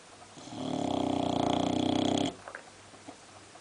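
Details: Sleeping Boxer dog snoring louder in a particular sleeping position: one long, loud, buzzing inward snore, then quiet breathing and faint room noise; snoring.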